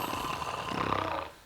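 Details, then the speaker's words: Husband with sleep apnea who struggles to sleep without a CPAP machine: a single loud, harsh, rattling, growl-like snore that fades at the end, likened to a construction site; heavy snoring. "근데 진짜로 코고리 소리가 진짜 크시긴 하네요 공사장 느낌이 확실히"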